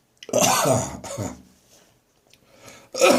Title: St Andrew's Day Coughing and Gagging.